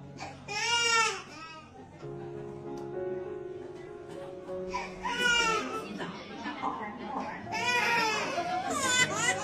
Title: Crying Baby Injection Vaccination Short's Cute Baby's..